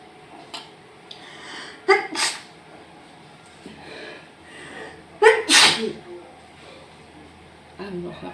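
Two sharp, forceful sneezes with short breaths and talk in between, set off by a nasal swab.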